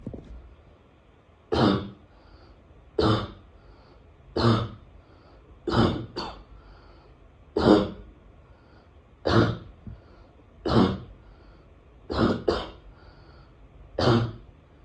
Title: Is my barking cough weird ? I don’t why I cough like this.